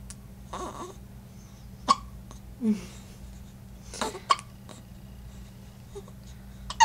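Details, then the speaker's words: Baby girl weighing 5 lb 9 oz, lying in her crib after a big breakfast, has hiccups: a few sharp, abrupt catches of breath with small voiced squeaks. "I have the hiccups cuz I just ate a big huge breakfast."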